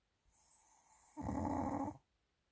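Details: Pomeranian dog sleeping deeply: quiet hissing inhalation then louder rough, rattling snore; ordinary snoring.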